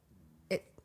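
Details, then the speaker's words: Stomach growling (borborygmi) in an adult during a podcast conversation: a brief, squeaky gurgle rising from quiet room hum, then a faint second pop; the speaker notices it and apologizes. "my stomach's growling. Did you hear that? Sorry."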